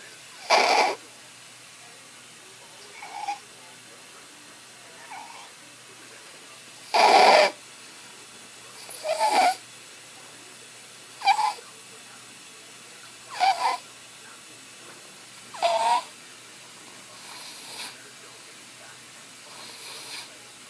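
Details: Stridor in a sleeping child after tracheostomy tube removal: harsh, high-pitched noisy sounds with each breath in.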